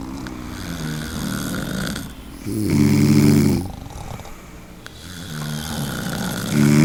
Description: Snoring sound for 1 hour #snoringsounds #snoring #annoyingsounds